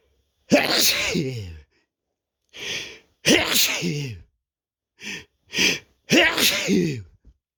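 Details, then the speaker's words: Male with nose tickling, unsure if a cold or allergies: a rapid run of about six voiced sneezes, some drawn out with a vocal tail, others short and clipped. "but it's particularly like constantly making me have to sneeze huh [Music] I feel a tickling right now"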